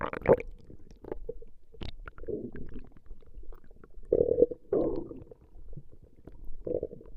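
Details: Recorded stomach growling of a female: irregular low gurgles and rumbling growls with short tonal squeaks, ordinary borborygmi.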